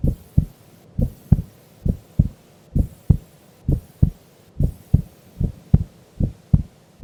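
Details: Heartbeat of a sleeping female during an afternoon nap: regular paired lub-dub beats at about 66 a minute, no added sounds, normal resting heart sounds.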